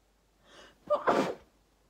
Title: I sneeze into my pillow